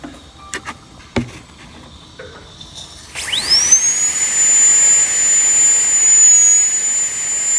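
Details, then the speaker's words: High-speed dental handpiece on tooth #46 on a phantom head for a full metal crown: quiet clicks, then a steady piercing whine while cutting down toward the gingival-level margin before the proximal contact breaks. "Go down till the level of your margin, which is you have placed at the level of your gum, at your gingival margin."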